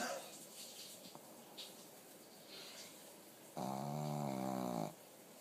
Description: My dogs name is piki, he is a Pekingese and missing an eye. I love him to death but not his snores.